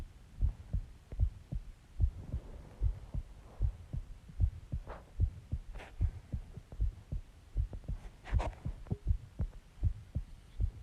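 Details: Self-recorded heartbeat after eating eggs and ice cream and drinking Coke: regular low thumping about 76 beats a minute with faint rubbing and handling noise; heartbeat.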